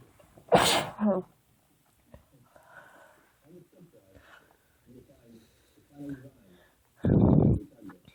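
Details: Sick female friend sneezing repeatedly: two loud explosive sneezes about six seconds apart, with quiet murmuring and room noise between them.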